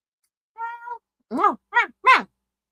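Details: Adult with Tourette syndrome; Simple vocal tic (meowing) in Tourette syndrome.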